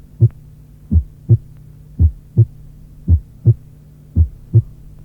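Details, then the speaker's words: Simulated regular heartbeat near 56 a minute with a PR interval of 0.18 seconds: softened first heart sound that can be quieter than the second. "À 0,18 seconde, le deuxième bruit peut être plus fort que le premier, car l’intensité de celui-ci diminue."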